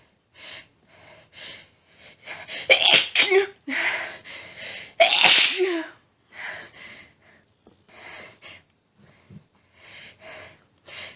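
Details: Female with a nose tickly all day, unknown trigger, trying but failing to stifle: a paroxysmal sneezing fit, a long run of about a dozen rapid, very strong sneezes with panting between them.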